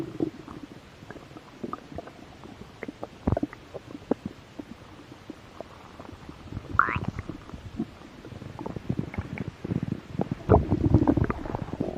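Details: Close-up ASMR recording of belly while a little hungry: low gurgling rumbles and bubbling pops swelling and fading; stomach growling (borborygmi).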